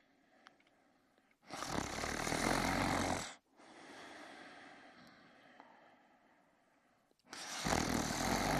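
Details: Person sleeping in bed; two loud, rough inhaled snores with a quieter breath out between them; snoring during sleep.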